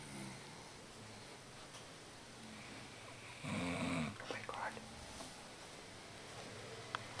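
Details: Men asleep in a shared room, heavy snoring: a single deep, rumbling snore against a quiet room with faint background noise.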